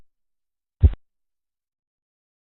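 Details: A single soft, low thump in silence, a Korotkoff sound heard while measuring blood pressure.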